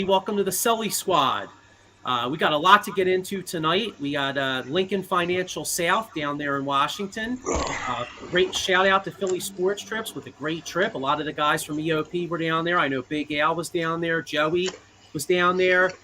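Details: Adult male speaker; normal voice.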